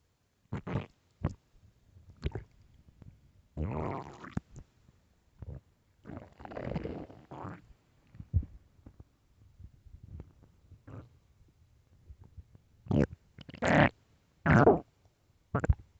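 Irregular squelchy gurgles and longer growling rumbles between quiet gaps. Loud stomach growling from an empty stomach, a normal hunger sound.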